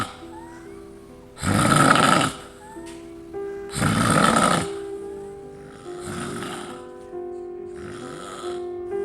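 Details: A person snores loudly: rough snores come in bursts about every two and a half seconds and fade over time, with music playing alongside; ordinary snoring.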